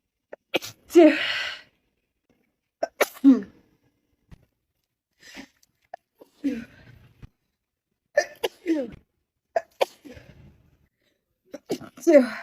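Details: Female sneezing: several short, sharp sneezes separated by pauses, some preceded by a quick breath in.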